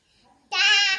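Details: Early speech attempt by a baby with a cochlear implant, vocalizing between a therapist's prompts during a Hindi counting speech therapy session.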